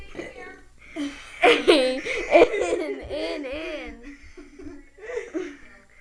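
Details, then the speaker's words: Boy deliberately burping the ABCs: long, rumbling, voiced belches shaped into letter sounds, with laughter; burping. "hi I'm and I'm going to burp the ABCs funny"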